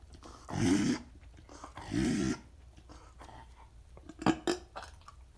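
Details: A dog with bordetella makes loud, harsh snorting pulls of air through the nose: reverse sneezing.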